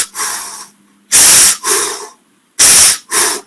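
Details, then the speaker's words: Simulated normal breath sounds: a teacher voices two breathy, hissing in-and-out cycles to imitate stethoscope breath sounds, explaining that inspiration is long and makes up one third of the cycle. "Acuérdate que te dije que el ruido respiratorio es una la inspiración es larga es como una letra l es larga y es un tercio solamente la inspiración"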